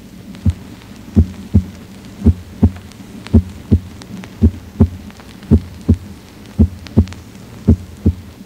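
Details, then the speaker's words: Simulated normal heart sounds at the apex: steady paired lub-dub beats about 55 a minute, first sound lower-pitched and slightly louder than the second, clean gaps, no murmur. "escutemos Primeiro as bulhas cardíacas normais ao nível da ponta lugar onde a primeira bulha habitualmente é de Tom mais grave e um pouco mais intensa que a segunda bulha"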